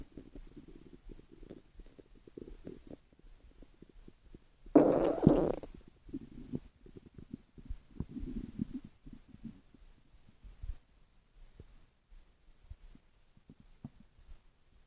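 Soft gurgles and rumbles, with a louder burst of gurgling partway through: ordinary stomach growling from gas and fluid moving through the gut.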